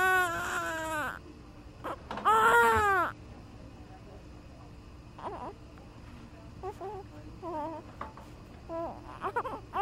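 Two loud wailing cries with pauses, then softer whimpers and fussing; an ordinary newborn cry.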